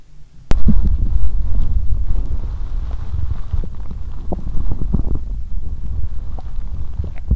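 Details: Abdominal sounds recorded close to the belly on day 2 of menstruation with abdominal pain on one side spreading across the belly: low, irregular gurgles and rumbles with soft pops throughout; bowel sounds.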